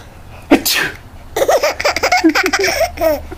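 A sudden sharp sneeze followed by a run of laughter; a single ordinary sneeze.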